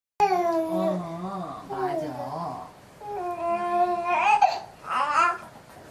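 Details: Baby cries in fussy, wavering cries and whimpers with pitch rising and falling, in a small quiet room.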